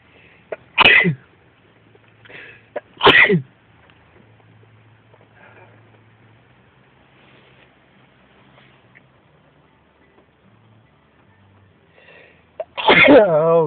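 Three sharp, explosive sneezes with quiet gaps between them. A softer sneeze-like sound is also heard, and a low hum runs underneath.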